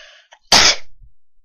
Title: Cousinhood 2.0- Violent Sneezes